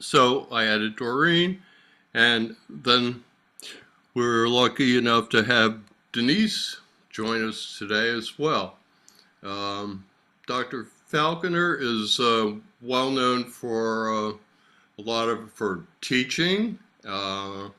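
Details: Adult man with aphasia after a stroke about 3 years earlier, slowly improving, attending six therapy lessons a week; aphasia.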